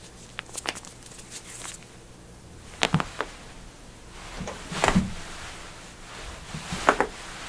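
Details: Joint cracking: several sharp, brief pops and clicks in a quiet room.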